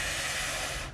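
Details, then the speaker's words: Adult subject on a spirometry mouthpiece, coached through relaxed breathing then a forced exhalation: a loud, fast, deep rush of air drawn in, the maximal inspiration following the forced exhalation. "good just a couple more breaths good you ready real big let it out push it out"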